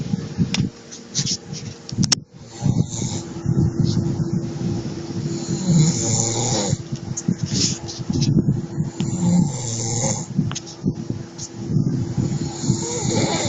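Continuous low rumbling, rattling snoring throughout with a steady hum in the background.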